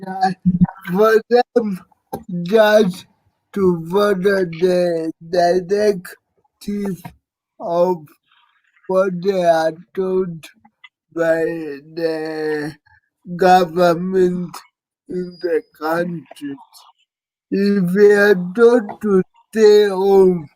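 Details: Dysarthria in an adult man living with cerebral palsy.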